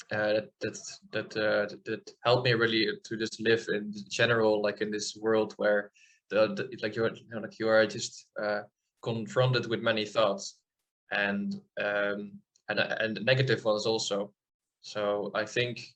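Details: Adult man from the Netherlands, speaking in an interview; audible part-word and word repetitions; stuttering.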